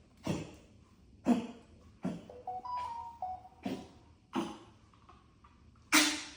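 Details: Dog coughing: about six sharp, abrupt coughs over six seconds with faint whistly tonal sounds between some of them.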